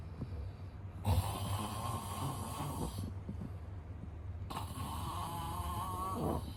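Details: Man snoring, sound effect recording: two loud, rough, rattling snores on breathing in, with quiet gaps between; snoring.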